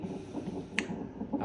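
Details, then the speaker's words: Mother in hospital for her third delivery, during CTG monitoring; rapid, soft rhythmic whooshing pulses from the monitor, the unborn baby's heartbeat: fetal heartbeat on Doppler CTG. "സിടിജി ആണ് എടുത്തകൊണ്ടിരിക്കുന്നത് സിടിജിയിലെ ഈ sound എന്ന് ബേബിയുടെ heart beat ആണ് കേൾക്കുന്നത്"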